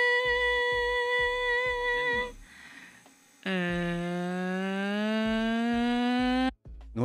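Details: Normal phonation from a laryngeal disorders lecture: good vocal fold approximation, with the vocal folds meeting in the midline during phonation, one condition for a good voice.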